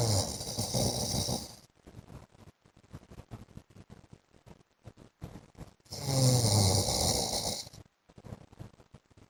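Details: Adult man (husband) snoring during sleep: two loud, rough, snorting snores with quiet breathing between.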